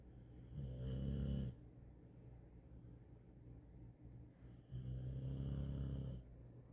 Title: Even Yuna couldn't handle his snoring #dogs #snoring #wow